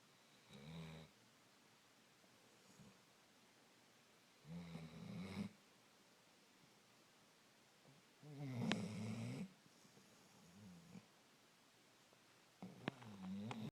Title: Twinners snoring